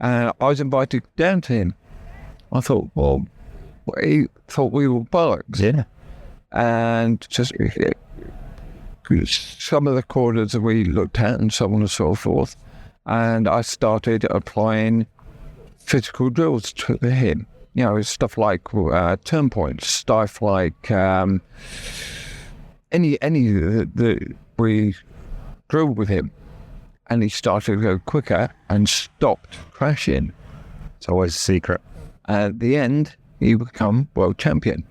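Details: Adult male, real (not acted), with persisting aphasia after a stroke that paralysed his right side; he had to relearn speech and left hospital able to say only three words; finding: aphasia after stroke.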